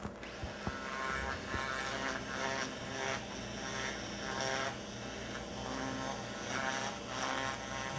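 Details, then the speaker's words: Steady motorized buzzing with rhythmic surges of a powered arthroscopic burr during subacromial decompression, working lateral to the coracoacromial ligament in a tight subacromial space. "we go back again and slide my device back lateral to the corco chromal ligament and we're going to go to our decompression very tight"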